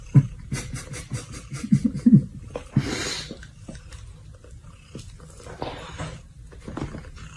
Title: Sleeping Cat Snoring Out Loud !! | Funny Animals #shorts